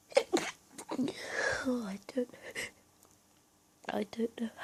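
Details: Stifled sneezing fit during an allergy attack, while hiding and trying not to be found: a quick run of short, muffled, held-back sneezes with breathy gasps between them.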